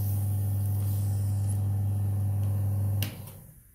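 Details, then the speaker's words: An electric hospital suction machine is switched on, and its tubing is folded closed to build suction. A steady low motor hum that builds, then the machine switches off and winds down. "SP chips को on कर दीजिए और हो जाता है इसका मतलब यह है कि यह काम कर रहा है मशीन चल रही है"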